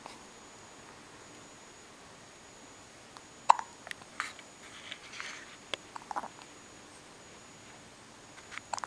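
Quiet room with a few sharp, brief gulping clicks at irregular intervals, fitting hiccups.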